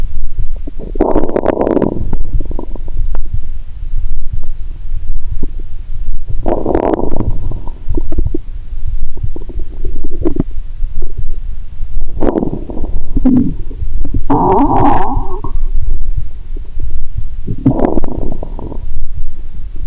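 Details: Stethoscope on the abdomen while lying down, after cola with Mentos: muffled low gurgles and bubbling bursts every few seconds over a steady rumble; bowel sounds, normal gut activity.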